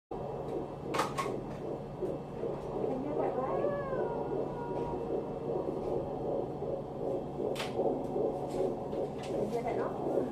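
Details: Fetal heartbeat at exactly 14 weeks of pregnancy on Doppler: rapid, steady whooshing pulses at 156 beats a minute in static.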